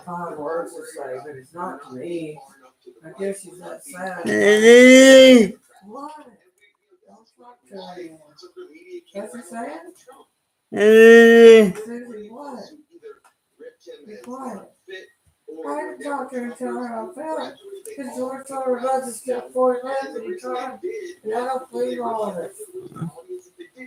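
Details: Adult man with cerebral palsy, dysarthric speech during live-stream chat; lives with mother and a caretaker.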